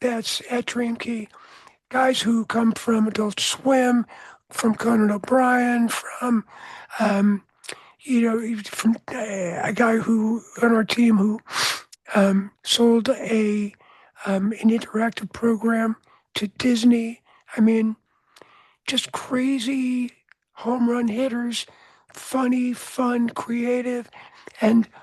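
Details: Adult man whose voice was altered by throat cancer, treated with surgery, radiation and two years of experimental chemotherapy, with no recurrence since: voice change after throat cancer treatment.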